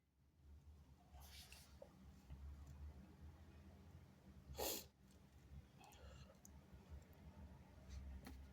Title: sneezing on my robe, bless me! (he/they)